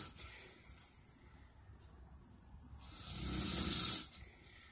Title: My dad snoring!